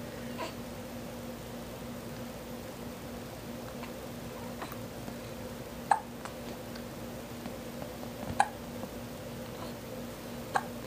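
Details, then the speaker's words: Three soft, sharp infant hiccups a few seconds apart over a steady low room hum, likened to a chicken clucking, described as inconsistent. "That sounds like a chicken. Cluck, cluck. Kinda. So inconsistent."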